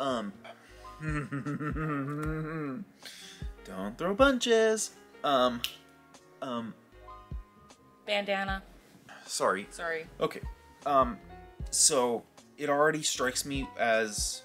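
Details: Adult man with real Tourette syndrome, actively suppressing his tics while talking, with blurted phrases and repeated words: Tourette syndrome vocal tics.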